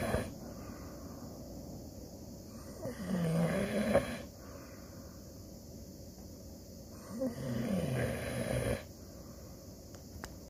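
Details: 14-year-old Siberian Husky, tired and sleeping, snoring with two low rumbling snores on the in-breath about four seconds apart (roughly 14 breaths a minute), quiet breathing between: snoring.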